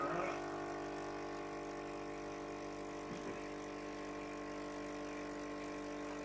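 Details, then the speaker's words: Steady mechanical hum with stacked tones and a brief slurping surge as a suction machine suctions a tracheostomy during trach care after he coughs; suction machine running. "Okay, as you hear him coughing, I'm going to go ahead and suction him. Get the suctioner"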